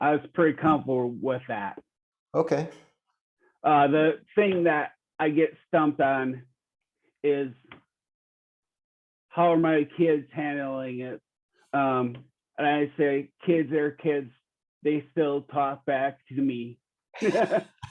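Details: 45-year-old man with rare primary progressive apraxia of speech; he knows what to say but words don't come out clearly, and his speech has declined since an earlier interview; apraxia of speech.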